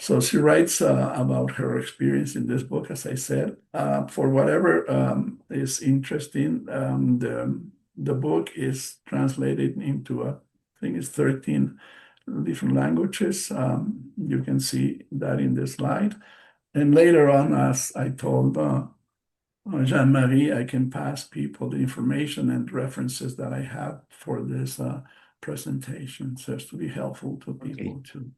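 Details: Post-stroke aphasia in an adult male bilingual psychotherapist, present since his stroke in March 2020; he is speaking English as a non-native speaker and says he speaks slowly because of it; aphasia.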